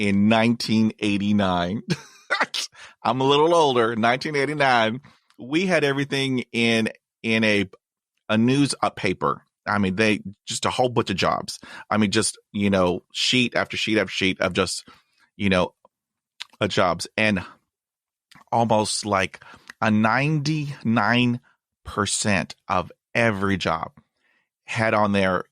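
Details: 53-year-old man who has stuttered for over 40 years, still with blocks and repetitions; stuttering.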